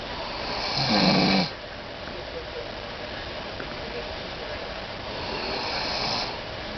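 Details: Adult woman napping on a couch, snoring loudly: one loud, harsh snore, then a softer second one about five seconds later, over steady room noise.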